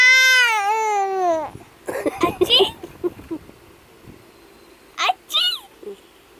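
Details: Baby who is sneezing and noisy: a short, high wailing cry falling in pitch, followed by fussy babbling sounds and small squeals; infant crying and fussing.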